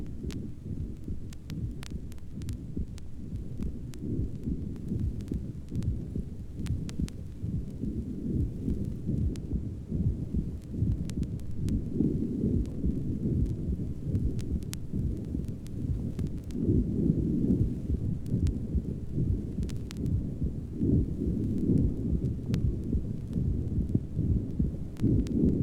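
Heartbeat at about 71 a minute, with a rough, rumbling murmur filling much of each cycle over surface crackle: rheumatic valve disease with a leaky valve.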